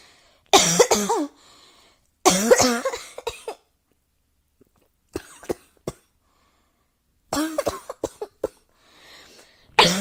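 Repeated bouts of harsh coughing, each with several rapid bursts and quiet gaps between bouts; ongoing cough.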